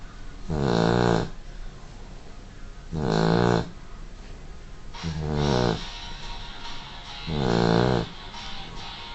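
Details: Dog snoring: four rumbling, voiced snores on the in-breath, about 28 a minute, with a steady background hiss.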